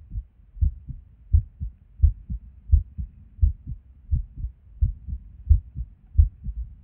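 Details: Resting heartbeat recorded at Erb's point while sitting at a desk, heart often skippy with or without reason: low sounds about 85 a minute with somewhat uneven spacing; an irregular rhythm with skipped beats.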